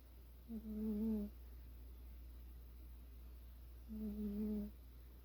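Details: Sleeping cat snoring softly, rarely heard to snore before: two drawn-out, tonal humming breaths about three seconds apart over a steady low hum.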